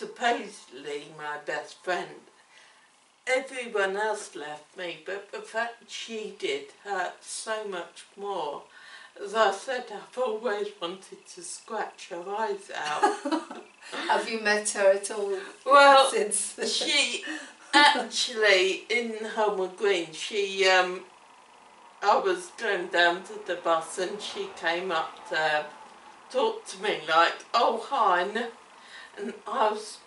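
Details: Adult woman with cerebellar ataxia affecting her coordination, speech and swallowing, onset around age seven, diagnosed in childhood; ataxic dysarthria.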